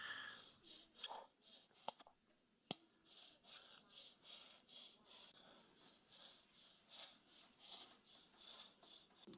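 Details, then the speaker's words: Young woman, a known asthmatic, with acute asthma symptoms before receiving a short-acting beta agonist reliever through a spacer: audible wheezing and difficulty breathing. "which is a known asmmetic and you can hear that she's wheezing and she has difficulty breathing"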